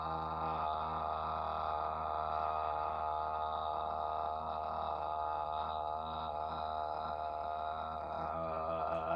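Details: Man in a bedside swallow evaluation for acid reflux concerns sustains "ah" for 14 seconds, below the typical 25-35 seconds for males; the clinician rated it a steady voice; sustained phonation, steady normal voice.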